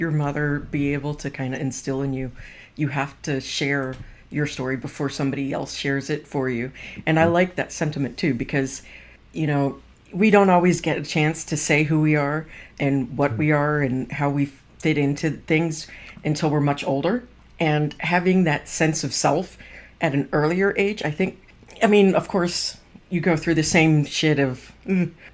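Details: Adult speaker; typical speech.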